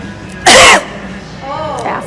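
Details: Adult woman accused of coughing on a cancer patient, a single loud forced cough burst followed by faint voice and background music; voluntary cough.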